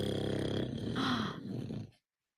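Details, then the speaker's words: Adult man (dad) snoring, with a baby reacting: snoring. "Baby's reaction to dad's snoring is absolutely hilarious. Here he is. Is that sound coming out of you, Dad?"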